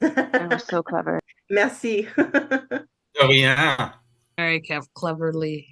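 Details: Adult audience member; no disorder.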